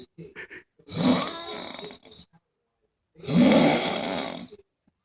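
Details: Sleeper after a hard night of striper fishing: loud, rattling snores with long noisy inhalations separated by pauses, about two clear breaths heard; heavy snoring.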